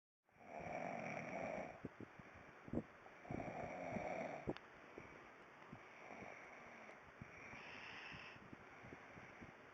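Two loud, rough snores on inhaling, then a quieter breathing cycle with a faint snore.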